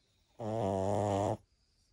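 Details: French Bulldogs sleeping beside their owner, one long rumbling buzzy breath lasting about a second; loud flat-faced dog snoring.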